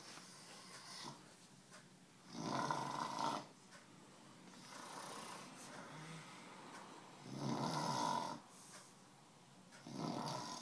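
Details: Adult passed out after drinking almost a handle of vodka; loud, rough rattling snores on each breath in, about 12 breaths a minute: snoring during sleep.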